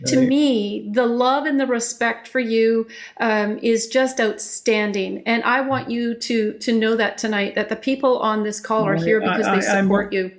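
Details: Adult woman speaking; Normal speech.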